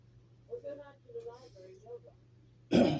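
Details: Adult man getting over a common cold, with normal temperature (98.2 °F) and blood pressure, two weeks after COVID booster and flu shots: faint murmured speech, then one loud, rough cough or throat clear.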